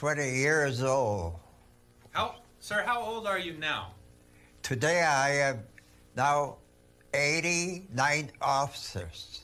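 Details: Patient with a lesion in Wernicke's area (roughly 70% not working) and intact Broca's area, with some comprehension left; verbose with paraphasic errors while explaining why he came to hospital; fluent Wernicke's aphasia.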